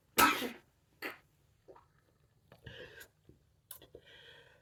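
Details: Sneezing during a reading of the poem The Raven: a loud, sharp burst with a smaller follow-up burst, then brief throat noises and a few voiced sounds.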